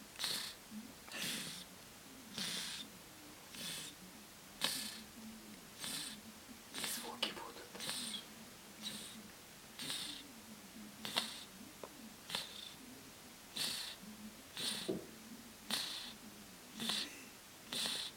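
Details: Fat ginger cat asleep, snoring like a human: rhythmic, raspy breath noises with a faint low rumble underneath. Snoring.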